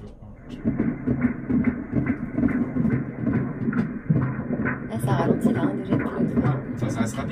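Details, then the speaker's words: Third-trimester pregnancy ultrasound scan: rapid, rhythmic whooshing pulses at about 140 a minute, a normal fetal heartbeat on Doppler. "les trois vaisseaux du levage de ces écoutes là c'est le coeur"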